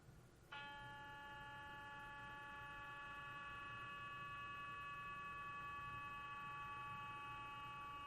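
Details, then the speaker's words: Lecture demonstration of MRI scanner sound during a compressed sensing scan with randomized, skipped sampling order: steady ringing, humming tone, less uniform than a normal uniform-sampling scan. "Actually, so what we do in MRI is we scan by changing magnetic fields. And this is a normal scan. It's uniform sampling that we sample. When we do compressed sensing, we have to change the order to make it random. It sounds like this."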